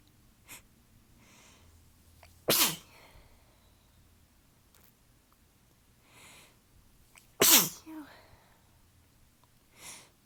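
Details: Adult tickly sneezing fit attributed to allergies, weather change and fatigue: two forceful sneezes with soft breathy build-up breaths between them.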